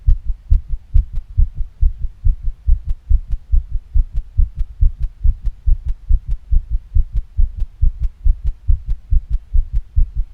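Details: Fast female heartbeat with heavy breathing: rapid, regular low thumping heartbeat at roughly 140 beats a minute.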